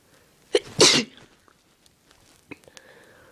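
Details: Induced sneezing: one sharp, explosive sneeze with a short intake of breath just before it, then quiet room sounds.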